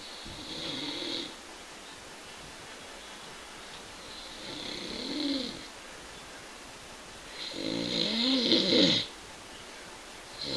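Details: Friend passed out asleep: loud, rattling snores on each breath in, about three over ten seconds with quiet gaps between, in a quiet room: ordinary snoring.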